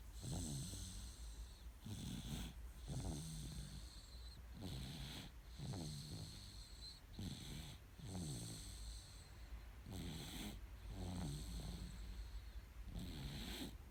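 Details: Soft, regular snoring, about 11 breaths a minute, with a steady room hum, from a 9-month-old baby boy sleeping peacefully; baby snoring.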